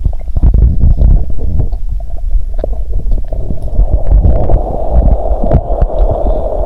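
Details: Continuous deep rumbling with frequent bubbly gurgles and pops, loud and busy throughout: active bowel sounds after drinking cola and swallowing Mentos.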